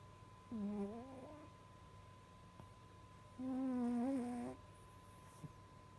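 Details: A sleeping cat gives two drawn-out, tonal, whistling-hum breaths a few seconds apart over a faint, steady electrical hum. Snoring.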